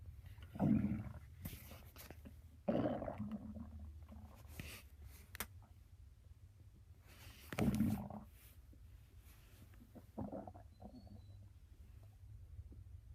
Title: 4 day weekend my stomach growling to early